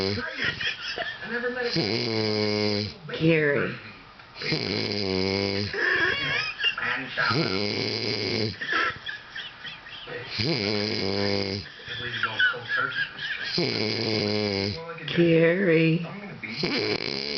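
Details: Rhythmic, loud, buzzing snores with a strong tonal quality, repeating every few seconds at night; snoring during sleep.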